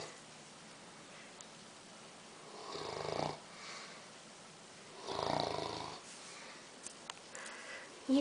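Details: English Mastiff dog asleep, tired after a long day: two soft, rough breathing sounds about two seconds apart in a quiet room; light snoring.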